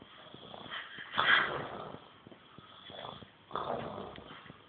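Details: Snorting, rattling breaths with one louder burst among quieter ones in a short stretch; snoring.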